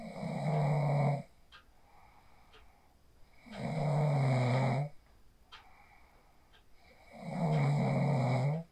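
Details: A sleeper snores after practicing the 4-7-8 breathing technique, recorded on a phone: loud, low, rattling snores on each breath in, about 16 breaths a minute, with quiet breaths out between.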